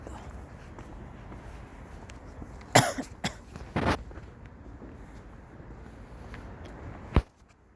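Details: A harsh burst of several strained, distressing coughs, then one more cough a few seconds later, in a quiet room.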